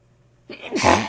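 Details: Brief inward gasp building into a single forceful sneeze with a muffled, stuffy quality; sneezing with nasal congestion.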